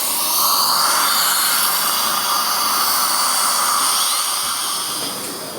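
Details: Continuous high-pitched whine of a dental drill using a fine smoothing bur to smooth a tooth preparation for an all-ceramic CEREC crown in a small room.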